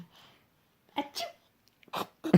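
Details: Baby boy playing at sneezing: three short, breathy bursts in a quiet room, a deliberate imitation of sneezing rather than true sneezes; fake sneezing.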